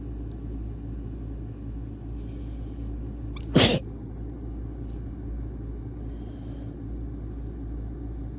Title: Sneezing and nose blow